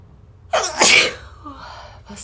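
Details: A single sharp, explosive sneeze with a quick breath in before it, then quiet.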